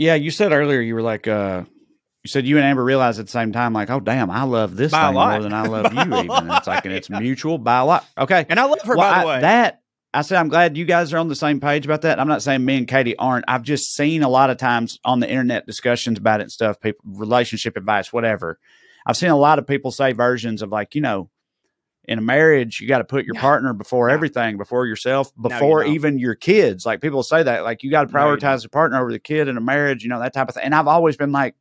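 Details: Adult male speaker, podcast conversation; normal conversational speech.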